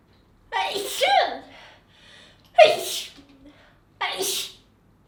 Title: Tei’s very cute sneezing 2 (Sample, 4K Quality)